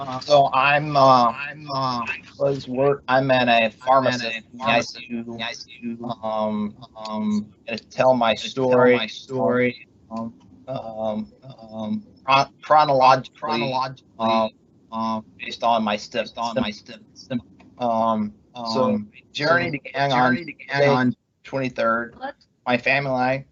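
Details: Adult male pharmacist, months after left-hemisphere ischemic stroke from left internal carotid dissection with right hemiplegia, treated with speech therapy, persistent word-finding difficulty; halting speech with repeated fillers and words; aphasia after stroke.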